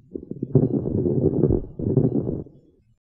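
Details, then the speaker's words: Dense rustling crackle in two bursts, imitation of lung crackles made by rubbing hair next to the ear, illustrating crackles heard on auscultation in fluid overload from IV fluids. "this is what you'll hear when you're oscilating lung sounds with somebody with crackles"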